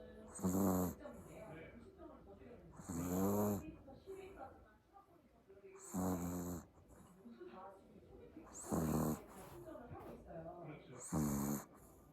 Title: Snoring puppy zzz